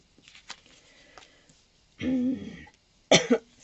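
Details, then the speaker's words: Adult woman, whose voice is starting to go, gives a drawn-out voiced throat clearing and then a short, sharp spontaneous cough in a quiet room; cough. "that sounded horrible my voice is starting to go"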